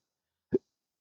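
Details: One brief, abrupt voiced gulp in silence: a single hiccup from a person with rare chronic disabling daily hiccups and burps since December 2015, which began after surgery that left nerve damage.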